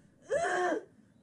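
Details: Single harsh, high-pitched crowing inspiratory gasp of a laryngospasm attack, in a patient about to receive Botox injection through the thyrohyoid membrane into the vocal folds.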